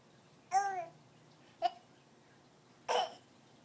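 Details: A person with hiccups: three abrupt, brief involuntary sounds in a quiet room, the first a voiced 'hic'.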